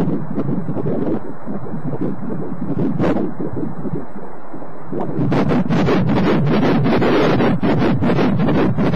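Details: Fast, rhythmic whooshing pulses through heavy noise, roughly 150 a minute, consistent with a fetal heartbeat on Doppler during pregnancy.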